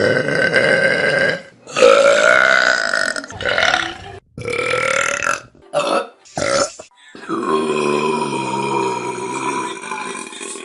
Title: Best Burps From Vine || #19 || February 2015